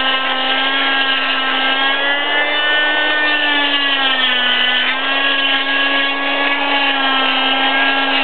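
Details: Arm cast removal 6 weeks after a right wrist fracture from snowboarding: steady high-pitched motor whine with slight pitch dips as the oscillating cast saw cuts through the cast.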